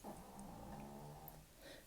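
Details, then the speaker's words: An old chihuahua snores audibly in the background while its owner talks; ordinary dog snoring. "i think i have another snore do you hear that that's my lexi"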